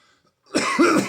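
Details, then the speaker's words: A single harsh, forceful cough with a rough throaty finish during a morning coughing fit, in a patient with stage 4 alveolar soft part sarcoma on immunotherapy. "well God damn I guess it's a coughing morning you know what I think I'll just end the video here it'll be easier that way"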